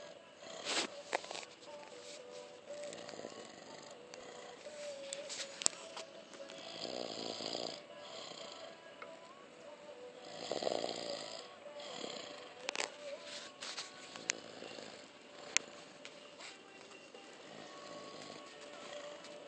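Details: Light, soft, irregular snoring from a sleeping adult man, recorded in a noisy room with faint background sounds; snoring.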